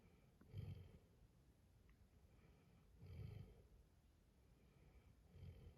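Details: Dalmatian sleeping peacefully, snoring with soft, low, rumbling snores about every 2.5 seconds (~24 breaths/min) in a quiet room.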